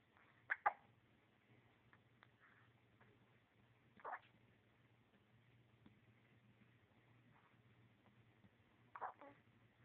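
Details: Baby with hiccups: three brief, sharp hiccup sounds at irregular intervals over about ten seconds against a quiet room hum.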